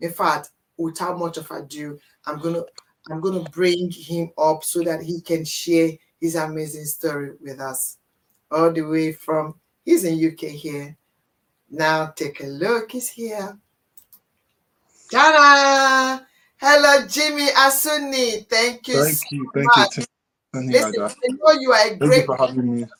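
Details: Adult man born with cerebral palsy affecting brain areas controlling movement and speech, which he attributes to high bilirubin at birth; dysarthria.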